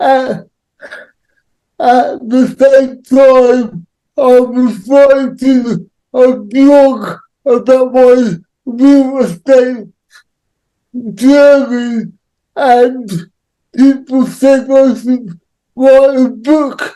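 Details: Adult man with cerebral palsy; dysarthric speech associated with cerebral palsy.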